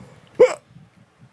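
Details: A single sharp, abrupt hic in a quiet room: a typical hiccup in a person who has come home after drinking heavily.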